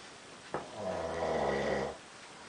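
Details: Man snoring in Amsterdam, likened to a train: a single long, low, rattling snore on the in-breath, with quiet room noise before and after.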